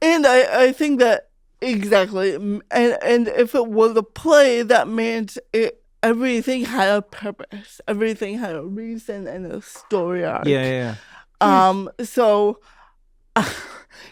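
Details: Real speech of an adult woman, a stand-up comedian who grew up with cerebral palsy; her speech was noticed as different by age five; dysarthria (cerebral palsy).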